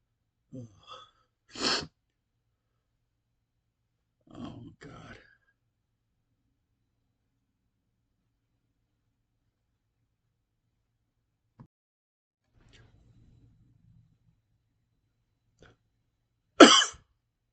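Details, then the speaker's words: Man sneezing after sniffing something in that burned his nose: two loud, sharp sneeze bursts with sniffing and quiet breathy sounds between them, in a quiet room. "I want to sneeze so bad. Oh, that was a big sneeze."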